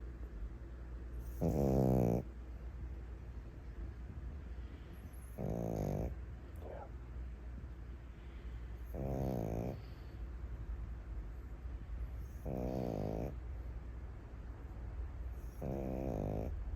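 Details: Little snores: rhythmic low fluttering snores about every 3.5 seconds, roughly 17 breaths a minute, over a steady room hum; snoring while asleep.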